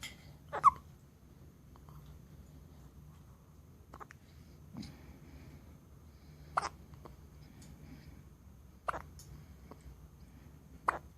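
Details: A one-day-old baby: five short, sharp hiccups spaced a couple of seconds apart against quiet room noise; hiccups.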